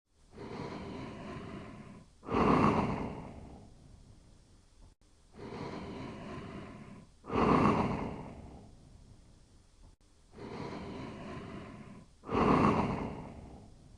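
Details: Dog sleeping and snoring quietly: steady, soft rattling snores at about 12 breaths a minute.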